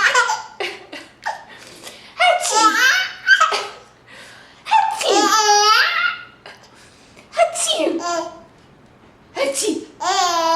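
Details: An adult's repeated exaggerated fake sneezes, answered by a baby's loud belly laughs.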